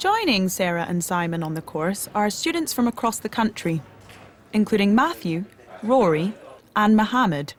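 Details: Adult female narrator; fluent speech.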